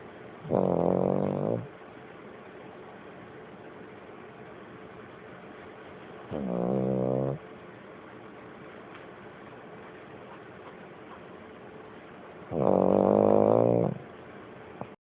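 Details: Dog snoring, said to sound like an old man: three loud, vibrating snores about six seconds apart, roughly 10 breaths a minute, with quiet breathing between.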